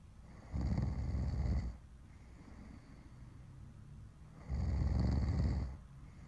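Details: Recorded snoring: two deep, rumbling snores on the in-breath about four seconds apart, with quiet breathing between; snoring.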